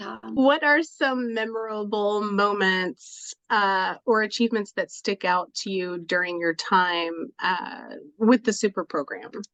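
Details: Adult speaker; no speech disorder.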